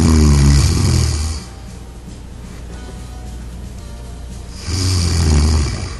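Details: Two loud, low, rumbling snores with a quieter pause between, over soft background music; ordinary snoring, in an anti-snore pillow demonstration.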